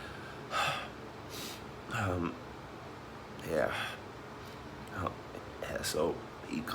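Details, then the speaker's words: Gasping recovery at the end of a choking spasm from hiccups, which happens almost daily, sometimes two or three times a day: repeated strained gasping breaths with hiccup-like catches, about 40 a minute. "It's crazy that happens so much, most every day, sometimes 2, 3 times a day, and it's still so scary. Can't not being it, not being able to catch your breath."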